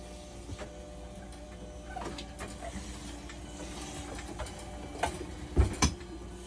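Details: Hemodialysis machine resuming its heat disinfection cycle after a leak, likely from a heat-broken tie wrap, was fixed by replacing the tie wrap: low steady mechanical hum with scattered clicks and knocks.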